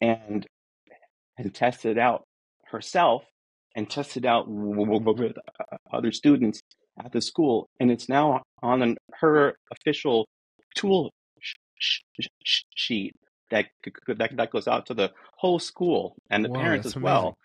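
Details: Adult man who says he is a person who stutters, real and not a recording artifact; this stretch has repeated words; stuttering.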